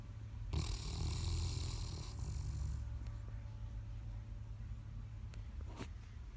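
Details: A sleeping Great Pyrenees dog snoring: a low, rough rattling breath sound that rises and fades over a few seconds in a quiet room.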